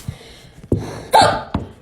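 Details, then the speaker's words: Person with hiccups, their third bout of the night: three short, abrupt gulping vocal catches about half a second to a second apart. "I literally hate the hiccups so much. And this is the third time that I've had them tonight."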